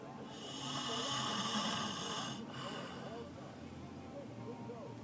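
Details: Overweight man snoring: a long, hoarse, rasping breath, loudest early and then fading, with steady room noise behind it.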